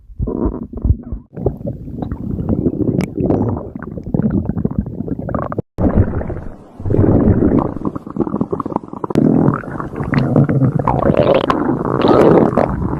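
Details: Ordinary stomach growling (borborygmi): long, loud gurgling and rumbling runs with brief gaps from gas and fluid moving through the gut.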